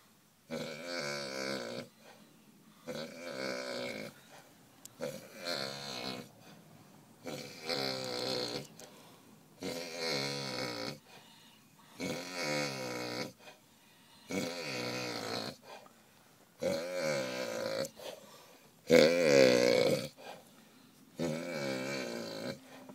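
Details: A drunk person snoring very loudly: loud, rough, regular snores on each breath, about ten in the stretch, with short quiet gaps between them.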